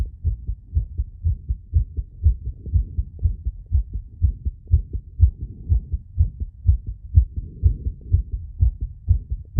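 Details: Self-recorded phonocardiogram of an adult's chest, with ECG, after rapid squats with breath-holding and exhalation, an experiment meant to induce a temporary arrhythmia; fast, strong, mostly regular heartbeats at about 120 a minute.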